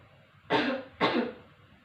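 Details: Nursing student's simulated demonstration of the effective cough technique after deep breathing exercise: two short, forceful coughs half a second apart after a pause, to clear phlegm.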